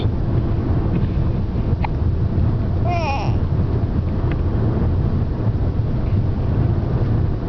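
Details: Steady low road rumble inside a moving car on a road trip, with one abrupt, sharp voiced catch and faint clicks; hiccups.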